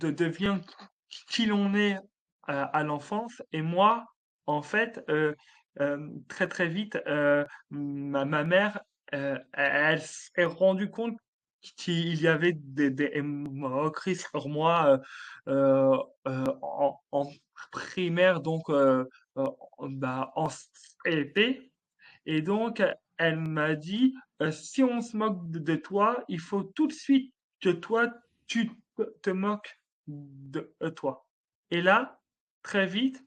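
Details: Adult male French comedian with stuttering since childhood, which he describes as part of him, more like an accent; stuttering.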